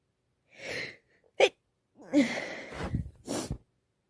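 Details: Female, possibly coming down with something or with allergies, sneezing all day with a red nose; a stifled sneeze, then a gasping build-up and two more forceful sneezes in quiet surroundings.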